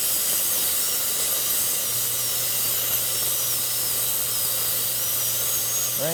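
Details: Steady high-pitched whine of a dental high-speed handpiece running continuously over soft room hiss, during final preparation of four upper-right teeth at once, after a slipping-chuck handpiece was swapped.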